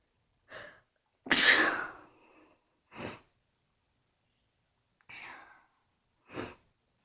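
One sharp, forceful sneeze with several quieter breathy sneezes or sniffs around it in a quiet room.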